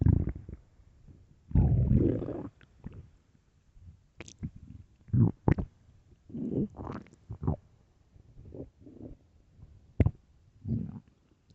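Loud, low gurgling rumbles and squelches come in irregular bursts from an empty stomach, typical stomach growling (borborygmi).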